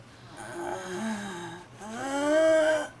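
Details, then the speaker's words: Adult man with dystonia, unable to close his mouth, tiring easily after walking a little: two long, noisy, groaning, strained breaths: laboured breathing (breathlessness). "Si kuya ay madaling mapagod. Kanina naglakad siya ' ba ng kaunti. Medyo hinihingal siya kaagad ngayon."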